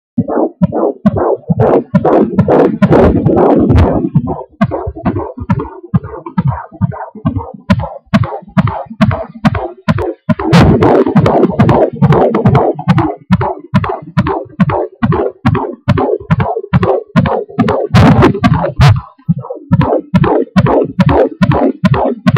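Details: Fetal heartbeat at 17 weeks on an Angelsounds fetal Doppler: rapid, regular, whooshing galloping beats at about 140 a minute, with some distortion.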